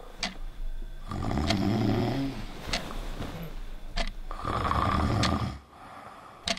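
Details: Snoring in an anti-snoring product advert: two long, loud, rough rattling snores about three seconds apart, with brief sharp noises in between.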